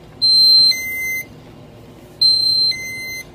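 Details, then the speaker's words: Two-tone repeating electronic beeps, high then lower, from an enteral feeding infusion pump during preventive maintenance testing after the line is clamped with hemostats; occlusion alarm. "and as it's alarming you can see that it alarms"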